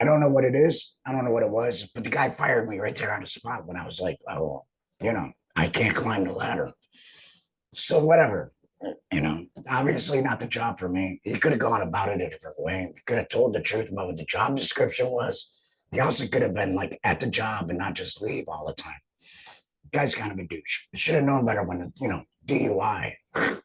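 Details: Adult male speaker; alaryngeal speech after total laryngectomy.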